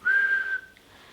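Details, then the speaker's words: Brief, steady high whistle, an involuntary simple phonic (vocal) tic from a person with Tourette's syndrome. "phonic tics are also known as vocal tics simple vocal tics can be for example sniffing or throat clearing complex vocal tics can be for example yelling saying entire words or phrases"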